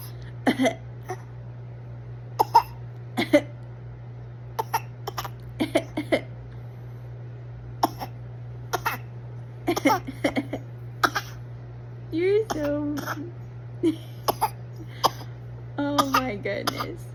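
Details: Dog with a bad cough; repeated short, sharp coughing bursts with a few brief whining sounds between them.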